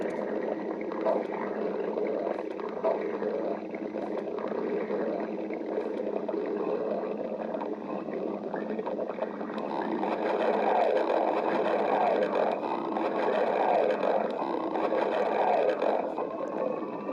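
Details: Steady watery gurgling and bubbling rumbles of ordinary stomach growling (borborygmi).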